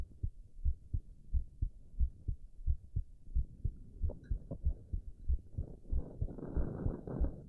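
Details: Male heartbeat recorded while he drinks tea: steady low heart thumps at about 90 a minute, with gurgling stomach noise toward the end; normal heart sounds.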